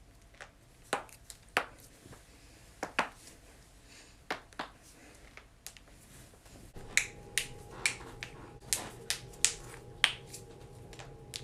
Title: cracking joints